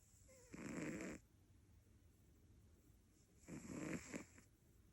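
Two rough, buzzing snores from a sleeping cat, about three seconds apart, with quiet pauses between.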